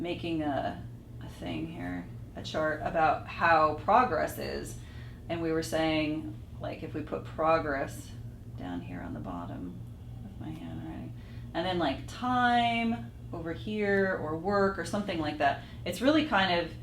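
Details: Adult woman speaking; typical adult speech.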